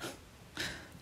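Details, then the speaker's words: A female dog asleep on a rug snoring: two short, snorting, hissy, pig-like breath noises in a quiet room. "Donc les bruits de cochon, c'est toujours pas moi. Hein. C'est toujours les dos qui ronflent."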